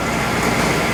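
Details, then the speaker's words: A pneumatic artificial larynx for laryngectomy patients, placed over the tracheostoma with a tube in the mouth, demonstrated by a speech-language pathologist: a steady, buzzy, reed-like tone lasting about a second that allows articulated speech. "see it provides a tone that allows the person to articulate intelligible speech"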